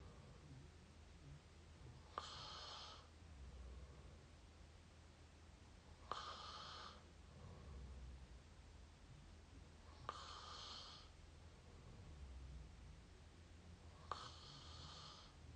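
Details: Close-up mouth snoring: slow, regular noisy breaths about every four seconds, roughly 15 a minute, each with a rough fluttering sound; faint room hum.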